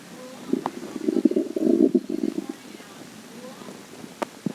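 A bubbling, gurgling rumble lasting about two seconds, then quiet: stomach growling from gas and fluid moving through the gut.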